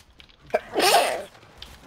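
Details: A single ordinary sneeze: a short catch of breath, then a sharp, loud, airy burst.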